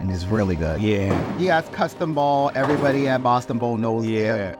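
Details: Adult family member speaking; normal speech.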